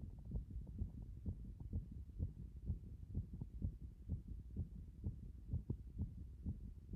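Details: Regular low thumping heartbeat heard at various chest positions, about 64 beats a minute, each beat a paired sound with a soft hum behind; heart sounds.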